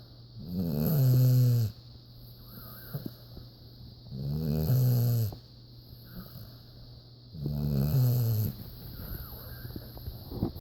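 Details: Otis snoring: loud, rumbling snores on each in-breath, about 17 a minute, with quiet pauses between.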